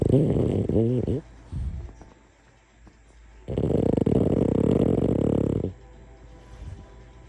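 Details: Sleeping, dreaming French Bulldog snoring: rough, rattling breathing noises on inhalation and one long loud snore, over faint background music.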